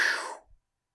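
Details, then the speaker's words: Teacher vocally imitating the crescendo-decrescendo systolic murmur of aortic stenosis, heard right after the first heart sound: a brief breathy whoosh. "this is called a crescendo de cresendo sound because it goes aortic stenosis right after the first heart sound it"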